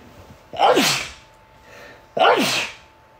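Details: Two loud sneezes about one and a half seconds apart, each a sharp voiced burst fading into a hiss, with a faint steady tone in the room, during a live stream.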